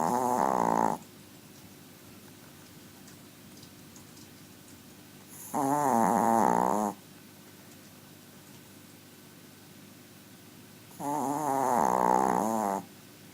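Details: Small dog snoring loudly in sleep: loud, drawn-out, buzzing snores about every five seconds with quiet pauses between them.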